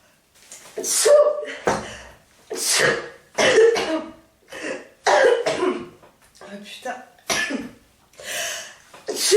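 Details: A woman has a sneezing fit: sharp sneezes in rapid succession, about six in under ten seconds, each preceded by a short intake of breath. Finding: repeated sneezing.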